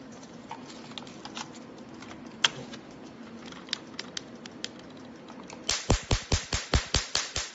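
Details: Biotronix professional IPL laser hair removal machine firing: scattered clicks in a quiet room, then a rapid run of about nine sharp, even snapping pulses.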